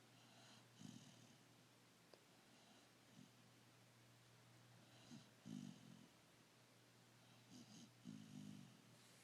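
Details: Sleeping dog snoring: soft rhythmic snorts and rumbling breaths about every 3 seconds over a steady low hum.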